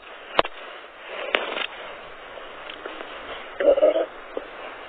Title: Stomach Sounds, Stomach Growling | Noisy Stomach Sound | 2022-03-15